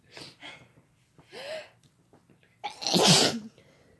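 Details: Soft breathy sounds and a brief voiced gasp, then one loud, explosive ordinary sneeze, from a female and male sneezing compilation.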